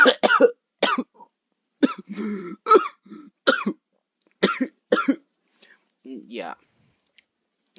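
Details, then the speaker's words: Cough from a person who says they are ill, while playing a video game: a run of about nine short, sharp coughs with throat clearing. "yeah no great I might have a tad bit of a cough"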